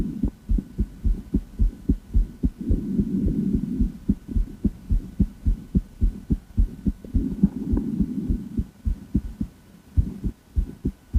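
Regular low thumps of the heartbeat at about 107 a minute, with a soft hum in places; normal heart sounds.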